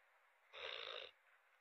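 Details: One half-second rough, buzzy snore with a low flutter from a dog sleeping; loud dog snoring.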